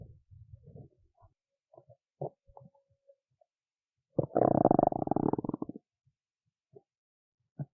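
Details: An adult woman who skipped lunch and is hungry has belly noises: scattered gurgles, then a loud, drawn-out rumbling growl lasting over a second. Hunger stomach rumbling, normal borborygmi.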